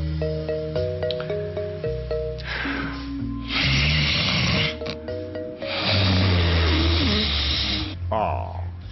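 Two loud, rough, rumbling breath sounds with a low vibrating quality, over background music; consistent with snoring.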